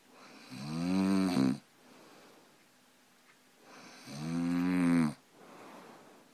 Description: my bf snores every night almost. He denies this saying " I dont snore" It is a lie. This is the proof.